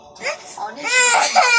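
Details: Loud, rising wail of a young child crying and angry while being coaxed and offered cartoons on a mobile phone.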